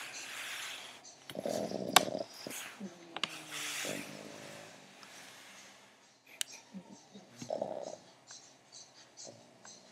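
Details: Otis snoring while sleepy: irregular snorting breaths with a few wheezy, whistling tones and background clatter.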